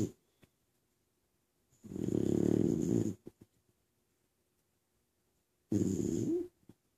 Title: 2013-12-29 11:31:13, Cocoa Snoring